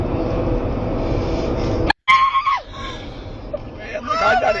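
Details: Loud vocal tic (scream) in an adult woman with Tourette syndrome since age six; she reports her tics are bad that day and vary, worse on some days than others.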